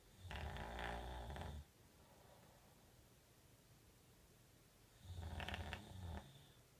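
Two loud, low rumbling snores on inhalation, separated by a quiet pause; ordinary snoring.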